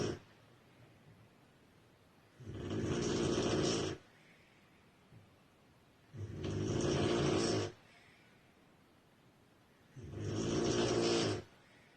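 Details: Loud, rough snores on each in-breath, about three in twelve seconds with quiet pauses, from a sleeping woman described as a very heavy snorer; snoring.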